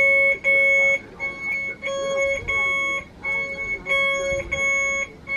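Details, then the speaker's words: Repeated high electronic beeping from a bedside patient monitor alarm in a child's hospital room, day 6 of admission, after his IV was moved to the other arm; another patient's monitor is also beeping. "never heard that that's beeping and the other patient is beeping"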